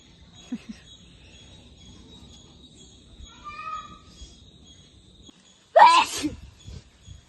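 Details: Single loud, explosive sneeze after a quieter lead-in, with a short breathy tail, outdoors with birdsong; sneezing challenge induced by sniffing snuff (nasal tobacco powder).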